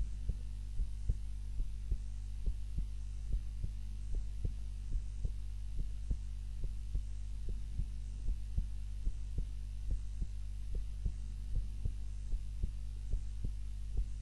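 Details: Own heartbeat recorded on a timer while napping, lying on the back (supine) rather than the usual face-down position: steady low thumping, roughly 75 to 80 a minute, under a constant hum.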